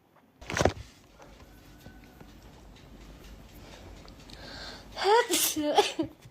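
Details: A girl's rapid sneezing: one sharp sneeze, a quiet pause, then a quick burst of further sneezes in rapid succession.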